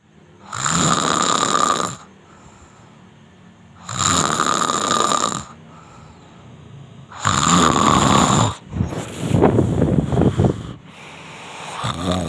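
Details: Loud rattling snores on each breath, about 15 breaths a minute; heavy snoring.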